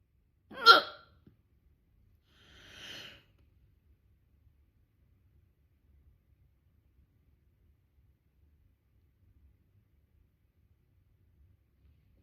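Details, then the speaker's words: One loud, abrupt hiccup with a sharp vocal catch, then a softer one and quiet; loud, persistent hiccups that breath-holding did not stop. "Oh! Yep. Oh! They're not ready to go away yet."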